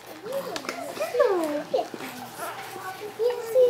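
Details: High-pitched vocalization from a child on her second day with a Passy Muir speaking valve; she has cri du chat syndrome and recently diagnosed primary pulmonary hypertension.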